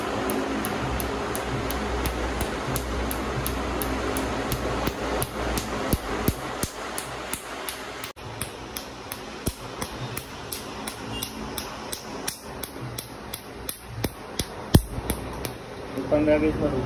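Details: Laser tattoo removal session on the arm: rapid sharp snapping clicks, nearly three per second, over a fan hum as the laser fires pulses.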